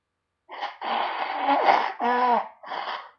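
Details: Adult's loud, explosive sneezes ("achoo") with a long noisy rush, then a little nose blow; sneezing.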